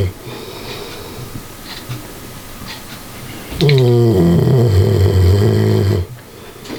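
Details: Dog snoring: a quiet stretch, then a long, low, rattling snore from the sleeping dog.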